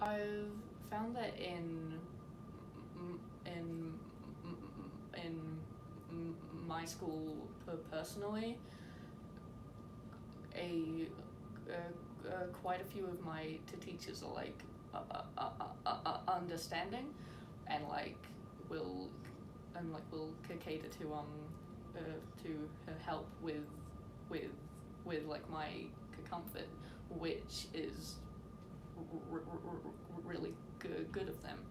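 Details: Teenage girl from New Zealand who stutters, with repetitions and blocks, in a recorded message; sound and word repetitions in this stretch; stuttering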